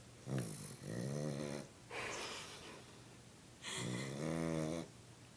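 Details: Dog named Charlie, who snorts a lot, with two loud buzzing snores about three seconds apart and a breathy snorting exhale between them: dog snoring.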